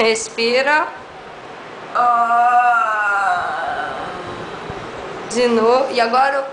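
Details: Adult woman speaking (speech therapist); normal speech.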